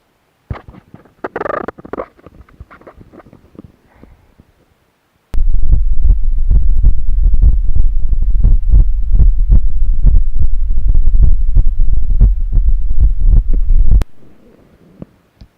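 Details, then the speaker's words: Normal heart sounds of an adult man recorded on himself through a Bluetooth digital stethoscope: regular lub-dub heartbeat with no added sounds. "अभी जो आपने आवाज़ सुनी ये है normal heart sound."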